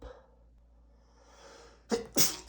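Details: A male with bad allergies, whose medication taken that morning isn't working, has a rapid sneezing fit: two sharp, explosive sneezes in quick succession after a quiet pause; allergic sneezing.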